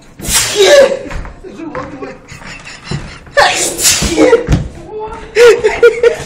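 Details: Man sneezing repeatedly after clearing his nose with kalanchoe: several loud, sudden sneeze bursts in a room, with voices and other noise between them.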